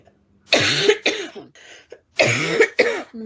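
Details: Woman with a persistent barking cough, said to worsen at night; two pairs of harsh, loud, brassy barking cough bursts separated by a brief quiet breath.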